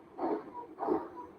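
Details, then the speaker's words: Transcranial Doppler (TCD) in cerebral vasospasm, at low flow velocity: two pulsing Doppler whooshes, each carrying a brief high musical tone, a vibratory musical murmur. "This sound is more important. And this is using a TCD machine. Here the flow velocity is very less, but still you will hear that sound."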